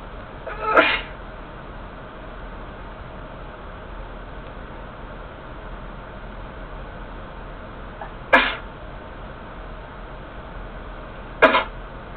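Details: Three short, sharp sneezes spaced several seconds apart over a steady background hiss; sneezing.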